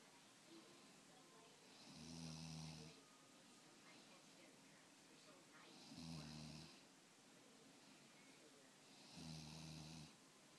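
Three regular low snores about every 3.5 seconds, roughly 17 breaths a minute, in a quiet room; ordinary sleep snoring.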